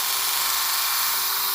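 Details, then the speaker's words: 2.8 mm hard bone drill boring into the patella of a male patient with very hard bone during all-onlay MPFL reconstruction, preparing a suture anchor site: steady high whir of the surgical bone drill. "So then we're going to take our 2.8 millimeter hard bone drill, and I'm doing this without an assistant. So this male has really hard bone."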